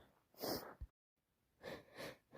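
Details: One forceful, wet sneeze, then a pause and a pair of snuffly nasal blows, during a bad head cold.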